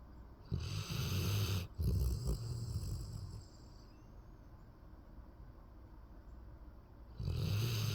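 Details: Sleeping Golden dog snoring: deep, low snoring breaths with a quiet pause between snores; ordinary dog snoring.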